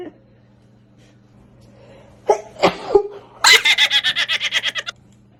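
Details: A few sharp, sneeze-like bursts followed by a rapid run of laughter; sneezing.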